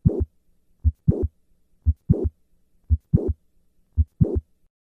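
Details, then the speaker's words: Mitral valve prolapse: a mid-to-late systolic click and short murmur at a regular rate near 58 a minute. On squatting, which enlarges the left ventricle, the click moves later in systole. "Maneuvers like squatting that increase left ventricular size cause the click to move later in cy. Listen once again to the change in the click murmur with a squat maneuver."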